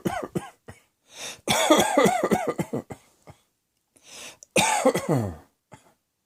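An adult gives repeated coughs in clusters, several harsh voiced bursts with brief pauses, ending with a throat-clearing rasp: a plain cough.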